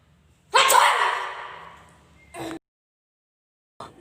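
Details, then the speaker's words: Comic acted imitation of sneeze types: a loud, explosive sneeze, then a short follow-up burst and a faint sound at the end; exaggerated, not real. "Tipe-tipe bersin. Bersin tidak bersuara. Bersin tembak. Bersin mental."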